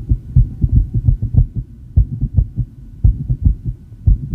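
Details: Female with asthma after inhaling probably too much salbutamol, tachycardia rising from the 110s to 170 bpm: rapid, regular low heartbeat thumps at about 150 a minute.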